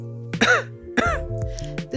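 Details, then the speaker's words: Two deliberate, imitated adult coughs over steady background music, demonstrating the sound you make when your throat feels dry or uncomfortable. "means when your throat feels dry or it feels uncomfortable and you make a sound like this"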